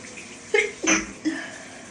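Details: Adult with allergies flaring after outdoor yard work, sneezing repeatedly in the shower: a quick breath in, a sharp sneeze burst and a short after-sound over running shower water.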